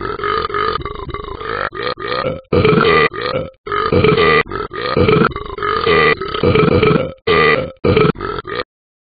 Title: Talking Ben burps